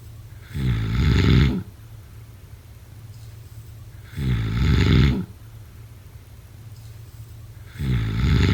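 Loud, deep, fluttering snores on each breath in, about 17 a minute and fairly regular, with quiet exhalations between: heavy snoring.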